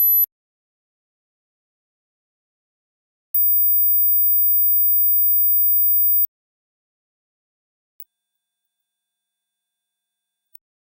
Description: Check the frequencies you can hear and compare it with the maximum frequencies people your age can hear.